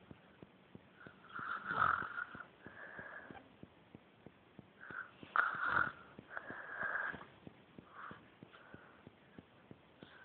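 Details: Sleeping woman who thinks she doesn't snore: rough, fluttering snoring sounds on breaths with steady faint ticking behind; snoring.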